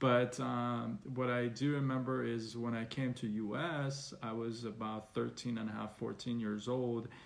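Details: Stuttering in an adult man who has stuttered since about age six and still stutters, though less after speech therapy.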